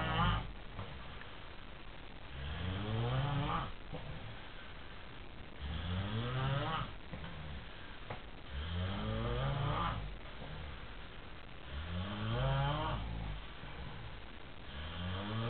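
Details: Drunk adult men snoring loudly and roughly with each breath in, about 19 breaths a minute; extreme snoring.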